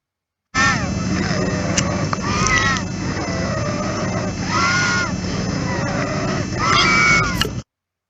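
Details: Stridor, an example from an explanation of stridor versus wheezes in children.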